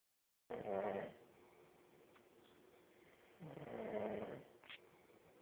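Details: Sleeping person snoring loudly, likened to a chainsaw: two loud, harsh, rattling snores on breathing in, about three seconds apart, with quiet breathing between.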